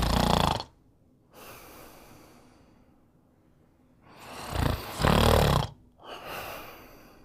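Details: Snoring attributed to the character Tigger while sleeping, from a fan show episode: loud, harsh snoring breaths in, each followed by a softer breath out.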